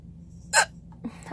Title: Hiccups caught on camera!